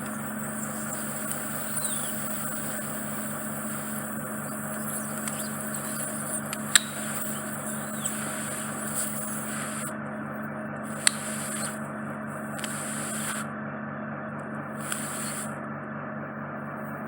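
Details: Endoscopic microsuction of deep impacted wax in a man's right ear canal, causing reduced hearing: continuous droning suction with scattered crackles and pops as a large wax plug is drawn out; ear microsuction.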